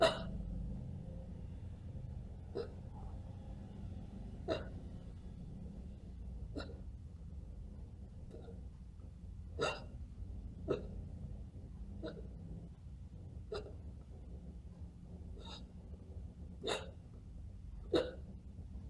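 A run of sharp, brief hiccup sounds, about a dozen over twenty seconds at uneven intervals, possibly imitated rather than real.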